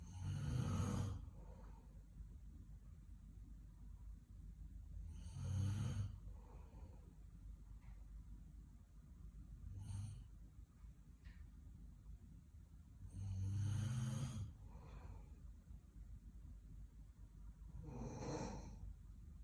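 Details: Roommate snoring: loud, low rattling snores repeating about every four seconds, roughly 14 a minute, with quiet breathing between; ordinary snoring.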